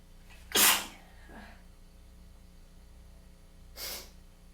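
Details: Weather-change sneezing fit with tickly, congested nose: two forceful hissing sneezes a few seconds apart with a soft breath between.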